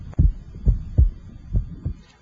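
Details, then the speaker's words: Physiological splitting of the second heart sound heard with an electronic stethoscope over the pulmonic area, where it normally widens on inspiration and becomes single on expiration. "in normal patients the splitting of the second heart sound should only be heard heard in the pulmonic area"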